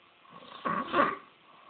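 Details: Snoring from a sleeper described as a man with a funny makeover: a single rough, rattling breath sound; ridiculous snoring.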